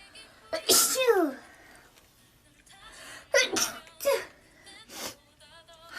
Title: Beautiful Asian girl sneeze🤧 compilation